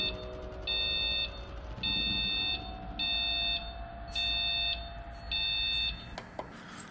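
Repeated high electronic beeps, about one a second, over room hum: a hospital alarm sounding.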